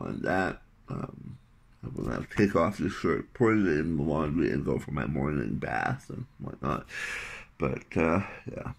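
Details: Adult male three months after tongue cancer surgery (partial glossectomy) with a wrist-skin tongue graft whose layers are detaching; he reports reduced speech clarity versus two weeks earlier; articulation disorder after partial glossectomy.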